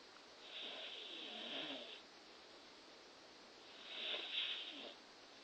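Two soft, airy, rattling breath sounds in a quiet room, a light snore on each breath.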